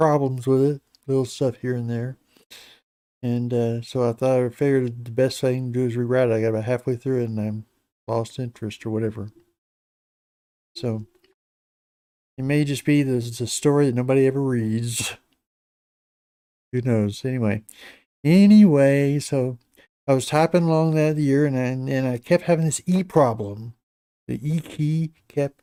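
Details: Adult man with Parkinson's disease for a little over 10 years, treated with deep brain stimulation since 2017, reporting his voice has declined and become less clear; Parkinson's disease speech (hypokinetic voice decline).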